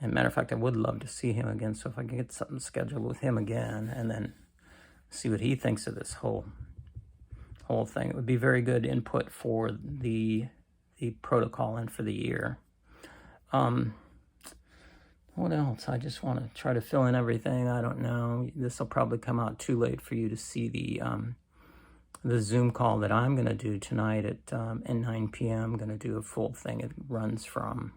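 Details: Adult man with cancer and a bile duct stent that his doctor says needs clearing more often; creaky, weak voice, which he attributes to lack of strength, especially in the morning.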